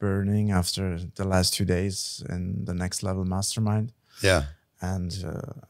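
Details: Adult male speaker; typical speech.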